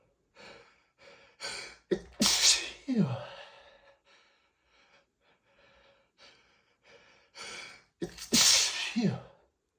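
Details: Catching inward gasps building to two loud, forceful sneezes with sniffing between; repeated allergic sneezing triggered by dust from cleaning a bookshelf.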